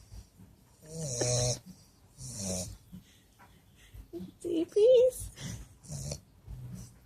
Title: Daddy the Bulldog snoring away.